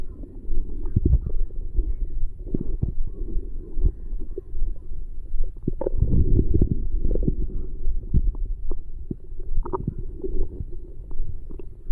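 Low, bubbling rumbles and gurgles come in irregular waves: ordinary stomach growling from normal gut movement after a meal.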